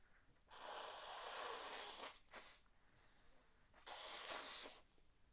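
Two long, forceful hissing nasal blasts of air a few seconds apart, with a short sniff between them, fitting snorting.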